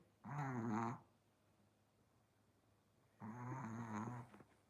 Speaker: can you hear snoring Believe It or Not